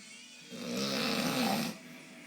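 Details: Single rough, rattling breath lasting about a second from a person said to deny snoring; a snore.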